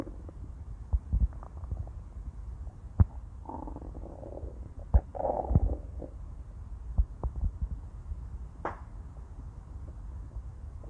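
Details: Stomach growling (borborygmi): low, muffled gurgles and rumbles with scattered soft pops over a steady low hum; ordinary gut movement sounds.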